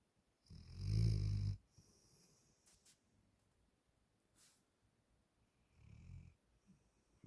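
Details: Lucy, a black Labrador, snoring while asleep, then waking when her cousin Maggie's name is said.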